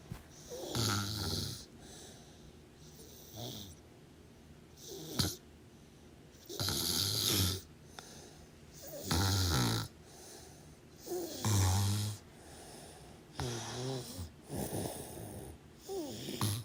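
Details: Sleeping person: rough fluttering snores every two seconds or so with quieter breathing between, in a quiet room; snoring.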